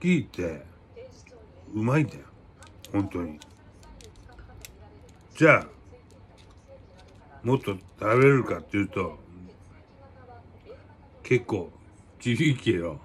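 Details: Japanese-speaking adult with aphasia after a cerebral hemorrhage, with hemiplegia.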